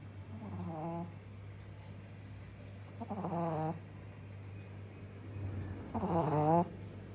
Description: Snoring Shih tzu puppy - Adorable & funny